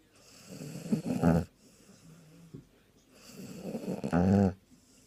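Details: Sprollie dog napping on Christmas Day after a day of eating, snoring very loudly: two loud, rattling inspiratory snores building to a harsh low buzz, with quieter exhalations between.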